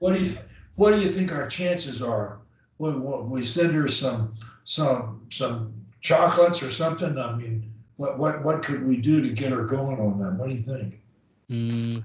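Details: Adult man speaking; ordinary speech.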